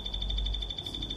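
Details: EMG biofeedback during electrodiagnostic muscle testing: steady high electronic tone with rapid pulsing flutter, sounding while the muscle contracts past a set threshold.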